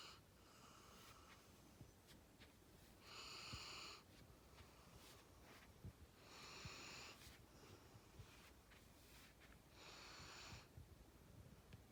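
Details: Soft, whistling snores from a female sleeper on a couch, about every three to four seconds (roughly 17 breaths a minute), over faint room hiss; snoring during sleep.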